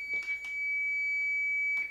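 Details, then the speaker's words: AED used in an adult CPR training tutorial after the prompts "shock advised, charging, stay clear of patient, deliver shock now, press the orange button now": steady high-pitched tone as the shock is delivered. "shock advised charging stay clear of patient deliver shock now press the orange button now"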